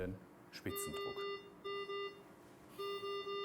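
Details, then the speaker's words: Repeated two-tone alarm beeps from a Carescape R860 ventilator during a PEEP recruitment maneuver from 19 toward 29 cmH2O; the peak pressure alarm was triggered because the stored limit setting was inappropriate. "now we see that the alarm has been triggered the reason for this is that the stored alarm value for our peak pressure was somewhat too high"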